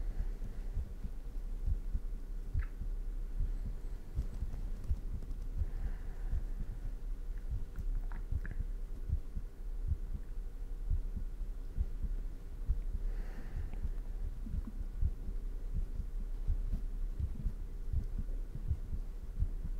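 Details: Fast heartbeat, own heart recorded close up for a no-talking ASMR piece at 100% sensitivity: steady low thumping with faint room hum and soft breathing in the background.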